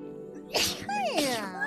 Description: Yep thats definitely a video of many instances of sneezing